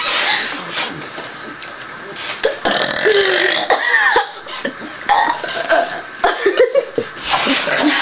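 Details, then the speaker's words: Deliberate burping during a burping contest: long, loud, rumbling belches with some laughter. "I used to do this all the time I get real loud ones out I need some water to clear it out"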